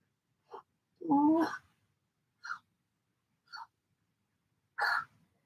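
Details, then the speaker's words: Female pet cat coughing on and off for months, which vets called fine: several brief, dry hacking coughs that sound like bringing up a furball. "it sounds like she's got a furball and she hasn't um she's been doing this for months the Vets just were like you know she fine so oh little snort she's like fine I'm not fine I'm coughing"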